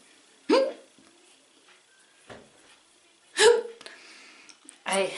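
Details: Three abrupt voiced hiccups, each a short sharp gulp, a few seconds apart in a quiet room; produced on command by hard scratching of the chin.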